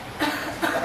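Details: Cough from a person who reports headache, shoulder pain and phlegm.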